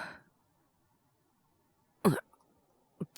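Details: Voice actor performing a male character with a cold and fever; all acted: a single harsh cough after silence, then a shorter weaker cough, a simulated cough with a cold.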